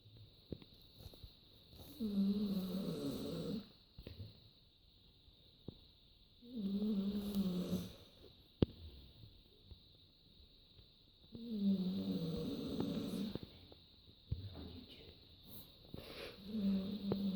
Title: My nans dog snoring in her sleep